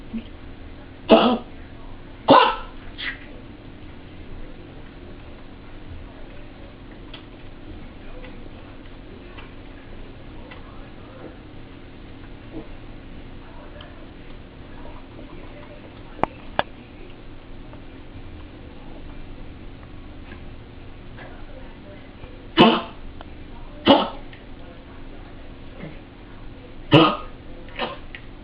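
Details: A dog with kennel cough (Bordetella) gives two short runs of harsh, dry hacking coughs.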